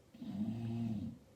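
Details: One drawn-out, low, rumbling snore from a sleeping dog in the background, lasting just over a second in a quiet room; ordinary snoring.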